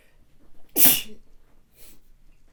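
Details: A quick intake followed by one sharp, hissing explosive burst and a faint breath; a single sneeze from an adult woman.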